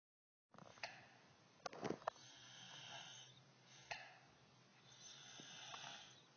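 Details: Soft, airy snoring with two slow breathy swells and a few faint clicks against light background hiss; a gentle snore.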